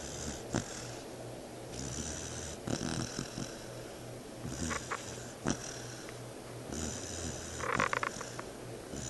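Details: Snoring in a sound-asleep 4-month-old pit bull puppy: a low, rattling buzz on each breath, about four breaths in nine seconds, with faint snorts between.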